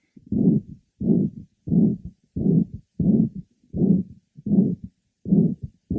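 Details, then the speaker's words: 65-year-old male physician with prior mitral valve prolapse, now moderately severe mitral regurgitation from a ruptured chorda tendinea, with atrial fibrillation, heard at the apex: irregular rhythm about 86 per minute with a harsh, blowing holosystolic murmur. "our next patient is a 65y old physician he has a holosystolic merma of mitro regurgitation"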